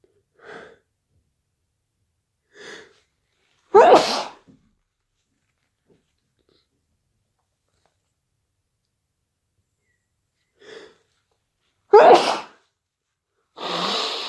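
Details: Short catching in-breaths followed by two forceful sneezes and a final breathy burst: repeated induced sneezing from hay fever.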